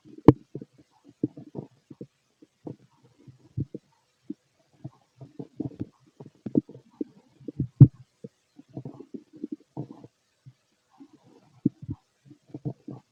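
Frequent irregular gurgles, squelches and low rumbles from the belly in a quiet room; active bowel sounds of an empty stomach, normal.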